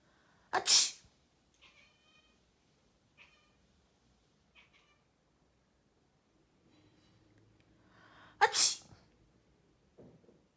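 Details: Person sneezing with a cat answering: two loud, explosive human sneezes several seconds apart, with soft cat meows in between, in a quiet room.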